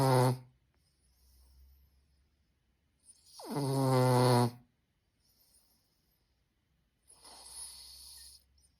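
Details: Pug dog snoring: loud snorting, buzzing breaths in and softer hissing breaths out, typical of a flat-faced dog; snoring.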